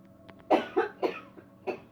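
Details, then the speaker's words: Person during a no-touch coughing technique demonstration, feeling coughs coming: four short coughs in quick succession, each a sharp burst fading off. "I feel another cough coming. I can feel it."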